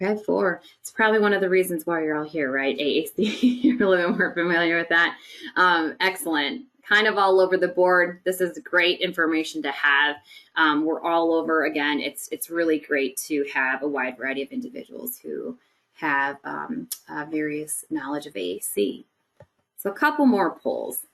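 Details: Adult woman speaking; normal speech.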